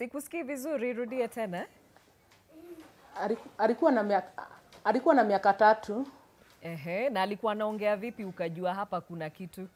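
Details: Adult woman speaking; speech.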